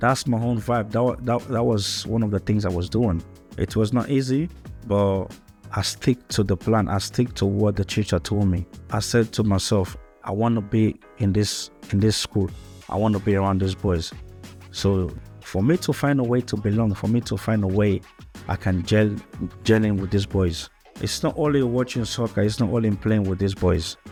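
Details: Stuttering in a male who moved from Africa to Australia as a young boy and struggled with both stuttering and English as a new language; repetitions of words and initial sounds.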